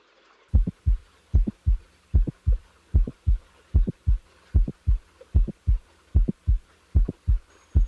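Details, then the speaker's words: Mitral valve prolapse patient: regular heart sounds at about 75 a minute with an extra sharp mid-systolic click, heard before the late systolic murmur is added; teaching example. "The next example is that of a late systolic murmur in a patient with a mitral valve prolapse. Now the mid-systolic click is added."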